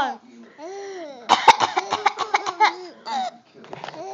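Harsh cough bursts run into a string of short laughing pulses, with voiced sounds before and after.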